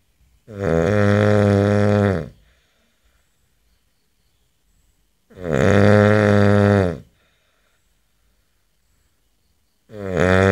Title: ACTUAL SOUND OF A MAN SNORING